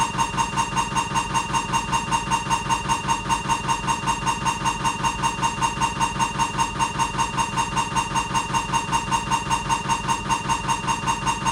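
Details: Siemens MAGNETOM Lumina 3 T MRI scanner running an abdominal diffusion sequence: rapid, steady mechanical knocking and buzzing at about two to three pulses per second.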